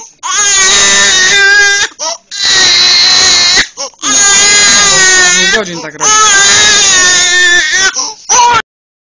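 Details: Loud, rhythmic wailing cries in long bursts separated by brief gasping breaths; a 6-week-old baby boy's vigorous hours-long night crying to be held.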